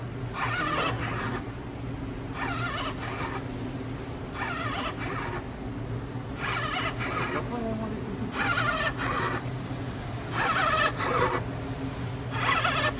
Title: 26th April: New COVID-19 DIY emergency ventilator #CitizenScienceAE